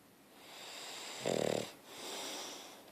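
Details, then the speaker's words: Man who has passed out and won't wake, with a very dry tongue, snoring during sleep: soft breathing with one brief, rattling, fluttering snore mid-breath. "He just doesn't wake up. Back to snoring."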